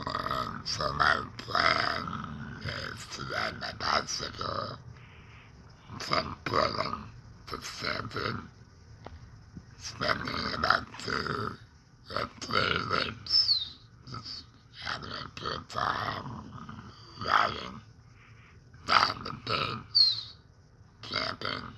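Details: Adult man who breathes through a neck stoma after a laryngectomy for cancer (tongue cancer and tongue pain are also mentioned), with alaryngeal speech after laryngectomy.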